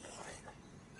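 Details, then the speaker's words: Exaggerated inspiratory laryngeal stridor in a dog of about 14 years: a loud whistle with each breath. The dog is in marked respiratory distress, and examination under sedation showed a larynx that barely moves and a very narrow airway. "este es el estridor exagerado que podríamos llegar a oír en un paciente como éste"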